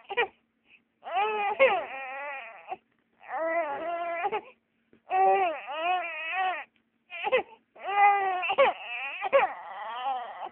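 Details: 3-month-old infant crying: rhythmic wailing bursts of one to two seconds with brief catches of breath between them.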